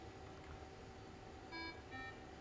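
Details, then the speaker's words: Bedside TOSCA overnight oxygen and carbon dioxide monitor (ear clip sensor) giving two short electronic beeps when the sensor electrode is unclipped; normal expected alarm that stops once the sensor is reconnected. "you need to unclip the sensor electrode put it down go to the bathroom the machine will alarm or beep don't worry about this this is normal the beeping will stop once you reconnect the sensor electrode to your ear clip"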